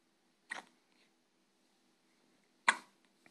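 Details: Hiccups.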